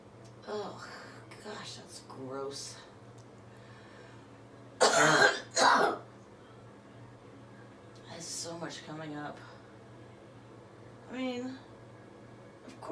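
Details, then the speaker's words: Productive cough in a female surgeon with COVID-19 on day 19 of infection: two loud, wet cough bursts with throat clearing and phlegmy breathing, bringing up phlegm from the lungs after chest percussion sessions. "the only connection between my mouth and my trachea only connection is into my lungs all that crap it's in my lungs"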